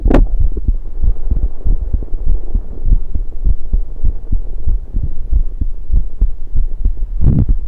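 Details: Regular low heart thumps at roughly 100 beats a minute, recorded on the self with a USB electronic stethoscope while drinking soda, over a steady hum with burp-like esophageal gurgles at start and end: normal heart sounds.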